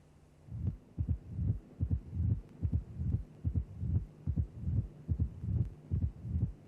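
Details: Simulated auscultation teaching recording, regular at about 73 a minute: a low rumbling murmur fills diastole and builds into a loud first sound, the presystolic crescendo murmur of mitral stenosis.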